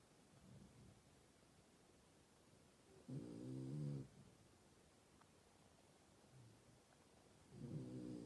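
Low, rattling snores from a sleeping dog, two snores in about eight seconds with quiet breathing between.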